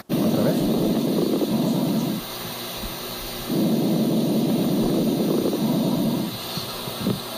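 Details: Fine crackles, for teaching chest auscultation: two muffled breaths with soft rumbling and faint crackling at the end of each inhalation, subtle sounds likened to a balloon trying to inflate, arising in the alveoli.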